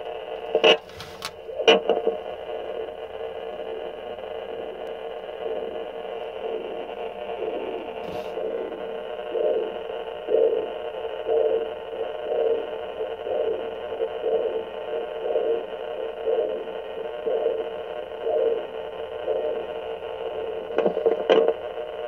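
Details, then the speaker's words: Fetal Doppler on a pregnant female due in about a month: rhythmic whooshing pulses over steady static; two separate heartbeats heard, then back to one; clear fetal heartbeat. "Can you hear the two separate heartbeats? Dun, dun, dun, dun, dun, dun. Now it's going back down to one."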